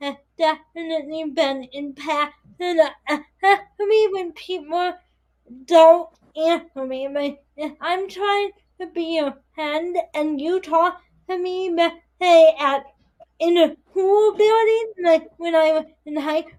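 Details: 22-year-old woman with spastic quadriplegic cerebral palsy affecting her whole body including speech, right side impaired, uses a walker or wheelchair; dysarthria (cerebral palsy).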